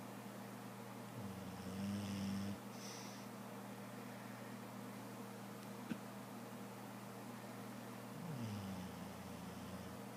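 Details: Bulldog deeply asleep, snoring so loudly he woke himself a few times: loud, low, rattling snores, noisy breathing through a narrowed airway, steady background hum.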